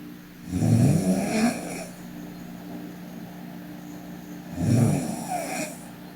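Two deep, rattling snores on breathing in, about four seconds apart, with a steady hum in the background.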